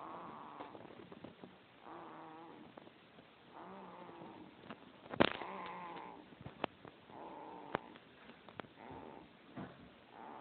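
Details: A person snoring: repeated soft, buzzing snores about every two seconds, with occasional clicks.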